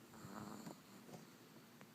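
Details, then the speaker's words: Soft, low rattling breaths with faint snorts over steady background hiss; loud snoring in a small sleeping female chihuahua. "I don't know if you can hear it but she's snoring it's so tough to be a pup"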